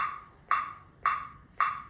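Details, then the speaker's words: Corpuls defibrillator in manual mode during defib training: its built-in CPR metronome beeps steadily at about 110 a minute to pace chest compressions, with a tonal change at 25 compressions before the ventilation cue. "When you're in the manual mode, this metronome will automatically come on, and it's going to be gold standard."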